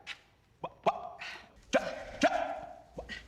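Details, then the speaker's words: Abrupt, repeated bark-like vocal noises in short bursts from a teacher with Tourette syndrome; acted vocal tics in a dramatized film, not a real patient. "sorry but how can you expect kids to learn when you're doing that all the time"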